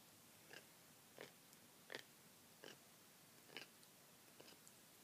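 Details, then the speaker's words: Cat grinding its teeth while batting at its mouth, filmed on an iPad; the owner is unsure of the cause. Short, gritty crunching clicks repeat about 80 times a minute: teeth grinding (bruxism). "he's grinding and kind of batting at his mouth he's grinding his teeth I don't know what goes on in there"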